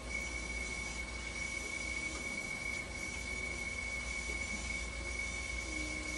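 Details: Steady high-pitched whine over a continuous mechanical rumble from a running haemodialysis machine found with bicarb spilled on top and its back open; abnormal pump noise, possibly a bicarb/acid pump problem.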